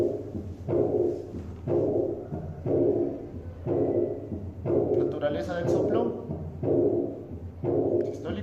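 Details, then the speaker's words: Aortic regurgitation murmur, played in a class on valve disease: a purely diastolic murmur starting at S2, loudest at onset and then gradually softer, decrescendo. "Escuchen, si ven, es netamente diastólico. Y se dan cuenta que la intensidad del soplo es más fuerte al inicio, Sí. porque al final se escucha más suavecito."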